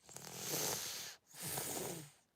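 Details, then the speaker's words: Large cat with a blocked, mucus-filled nose that a vet has previously had to suction: two rough, snorting, snore-like breaths, noisy congested breathing from the nose rather than the chest, nasal stertor. "it's not his chest it's his nose that's making that sound"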